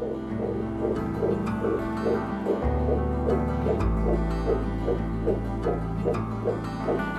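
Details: Rapid, regular whooshing fetal heartbeat at about 150 per minute from a fetal heart monitor connected to a mobile app (Baby Watch), with background music.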